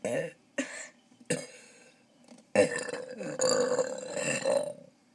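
Several loud, drawn-out croaky burps in a row, with a long rumbling belch at the end; repeated belching.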